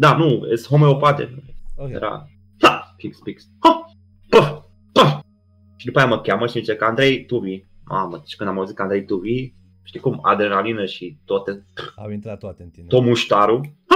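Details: Man with Tourette syndrome, a comedian, speaking Romanian in a podcast conversation, with vocal tics (e.g. 'psi', 'psam', 'pa pa pa') throughout; real, not acted. Finding: vocal tics (Tourette syndrome).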